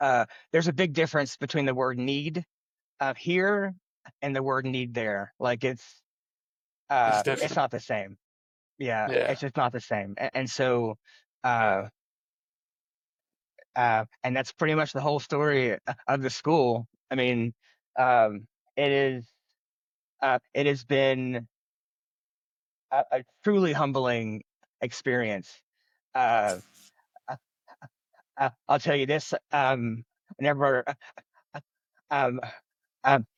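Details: Adult man who has stuttered since childhood, stuttering.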